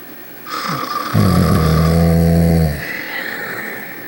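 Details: Two sleepers snoring: a single loud, buzzing, rattling snore lasting a few seconds over steady background noise; snoring.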